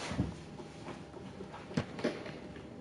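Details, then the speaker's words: Short, low gurgling rumbles from an adult's stomach, loud hunger growling against faint room noise, despite having eaten that day: stomach growling (borborygmi). "Hungry? Yes, that's you can hear my stomach. When I'm hungry, it's loud. I apologise."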